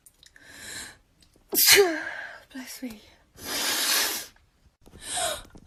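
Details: Compilation of TikTok sneezes: several loud sneezes, each with a quick indrawn breath and a sharp explosive burst, with people saying bless me; sneezing.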